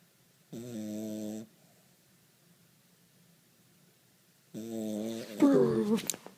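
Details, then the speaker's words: Cavalier King Charles Spaniel dog: two drawn-out, tonal snores separated by a quiet pause, ending in a rougher noisy breath; snoring. "You're snoring. I'm sorry. I think he's mad."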